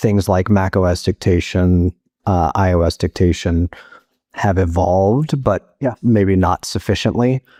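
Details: Adult male voice, possibly synthesized; normal speech.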